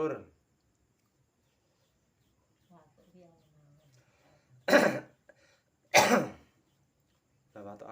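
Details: Dry, itchy-throat cough: two sharp coughs about a second apart, with a brief throat sound and quiet murmuring before them, from a person with a very itchy neck about to have kerokan (scraping) of the neck and chest.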